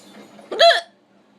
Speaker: Okay, we'll go enjoy the rest of my hiccups now. Peace.